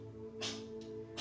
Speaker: And that's my cat sneezing outside if you can hear.